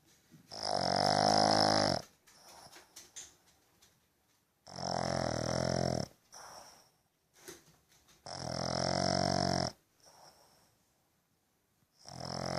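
Loud, buzzing, toned snores on each in-breath, about three in 12 seconds, with soft snuffling out-breaths between.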